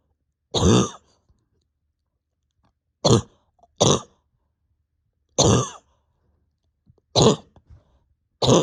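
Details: Six deep, harsh single coughs a second or more apart with silence between, with pain deep in chest and stomach; over 32 hours without sleep, bronchodilator not helping, exhausted; cough.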